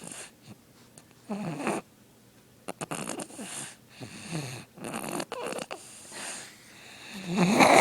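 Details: Baby fast asleep: repeated soft, rattling snoring breaths in an irregular rhythm, with a louder snort at the end; snoring.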